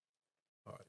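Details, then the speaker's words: Adult brother sleeping in the background after a work shift: a brief loud, rough, grunting snort after near silence, a single snore. "guys sorry guys if you can hear snoring in the background my brother why this isn't is in the background he's putting a shift today so he is slumped"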